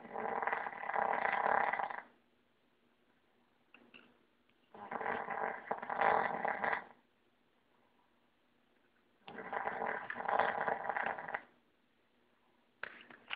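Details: Snoring: long, rough, buzzing snores of about two seconds each, separated by quiet pauses.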